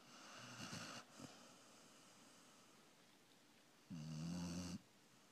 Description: Yeah, my dog snores like a human.